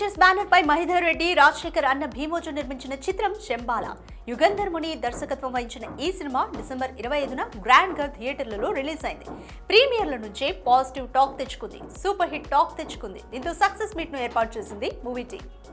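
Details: Adult woman; Normal speech.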